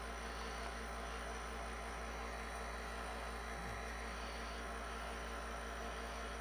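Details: Steady, unbroken mechanical drone with a low hum and soft hiss; continuous sound of a running nebulizer compressor.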